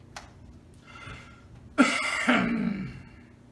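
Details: A short breath, then one forceful, wet, throaty cough with a trailing rumble as a caregiver pushes on the stomach and diaphragm area of a man with C3 complete quadriplegia to clear phlegm; assisted quad cough.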